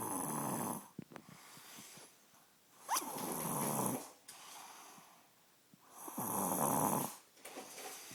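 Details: Snoring during sleep: three harsh, noisy snores about three seconds apart, roughly 20 breaths a minute, with quiet pauses between.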